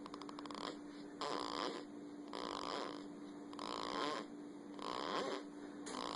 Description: Funny this baby is snoring